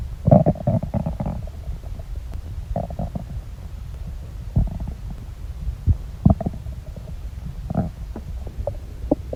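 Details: Everyday stomach rumbling with irregular low gurgles, churns, groans and short squeaky bursts over a faint hum; active bowel sounds from a person whose belly is usually quiet.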